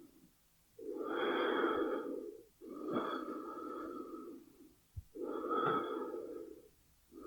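Slow, loud breaths in and out through the nose, a sound-effect recording of ordinary breathing.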